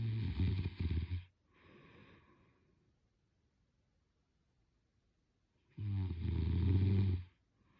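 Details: Adult snoring during sleep: loud rattling snores on breathing in, separated by several seconds of quiet breathing out, from a vibrating upper airway.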